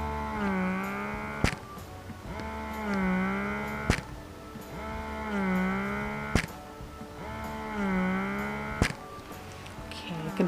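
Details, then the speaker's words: Spectra 9 Plus dual electric breast pump, both units running at level 10 (highest) and held together: steady rising-and-falling motor hum with a sharp click about every 2.5 seconds. "Nah ini kalian bisa dengar suara dari si mesin dan si hisapannya ini"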